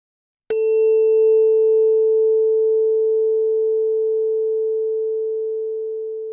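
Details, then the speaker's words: Simulated cranial nerve exam roleplay: a struck tuning fork rings with a clear, steady pure tone that slowly fades, used in the Weber test (fork on forehead) and Rinne test (fork behind the ear) to assess conductive hearing loss. "in the Weber test I'll Place The Tuning Fork on your forehead and I'd like you to indicate in which ear you hear the sound more clearly then the Rin test Place The Tuning Fork behind your ear at your ear to assess conductive hearing loss"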